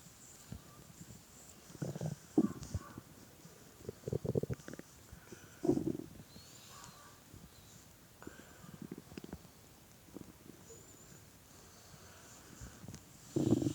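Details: Irregular low gurgles and rumbles heard at close range, with an ear resting on a hungry adult man's belly while he played a game, against quiet room noise: ordinary hunger borborygmi.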